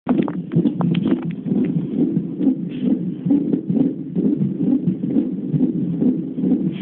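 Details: Fetal heart tones on CTG: rapid, regular whooshing Doppler pulses at about 130 per minute, a normal rate.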